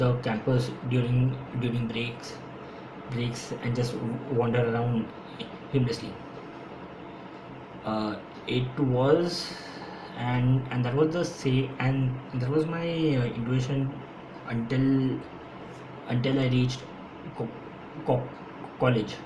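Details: Stuttering (stammering) in an adult man, present since school; he says he stammers more when speaking faster. His own real speech, with audible repetitions.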